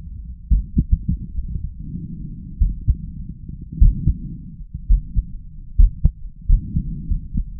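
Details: Self-recorded male heart auscultation during chest vacuum manoeuvres: forceful heartbeats arriving at uneven intervals with long pauses and arrhythmic beats, an irregular heart rhythm with pauses.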